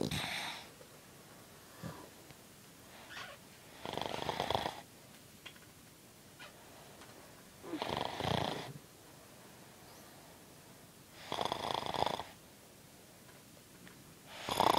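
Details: Snoring: rhythmic, rough, fluttering snores with each breath in, about 15 breaths a minute, with quiet pauses between.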